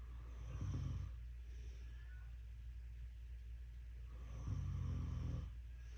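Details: Mother snoring loudly at 2 a.m. while a calico cat vocalizes: deep, rumbling, rattling breaths about every four seconds over steady low room hum; loud snoring.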